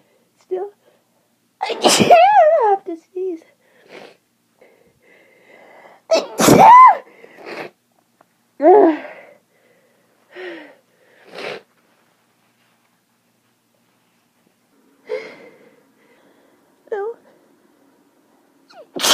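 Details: Person with severe spring seasonal allergies, eyes watering and nose itching, sneezing all day in March: several loud sneezes with breathy intakes and short pauses between them, repeated allergic sneezing.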